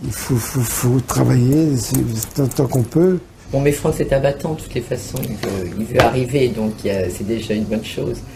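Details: Adult woman speaking French; typical speech.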